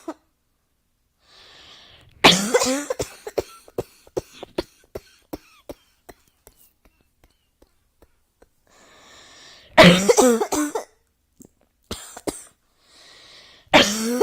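Repeated harsh, throaty coughs in separate bouts, with a quiet indrawn breath before each, in a small quiet room.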